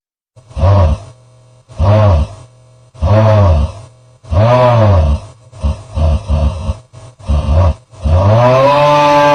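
Loud, rough, low-pitched droning noises recurring about every one to two seconds, some irregular and broken up; heavy snoring.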